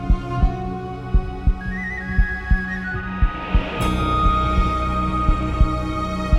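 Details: Simulated heartbeat sound effect: regular paired low thumps about 58 a minute beneath swelling epic orchestral music with partly female voices.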